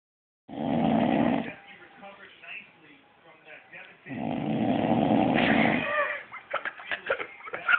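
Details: Two long, rumbling snores with a quieter, rattly breath between them and some snuffling at the end; snoring during sleep.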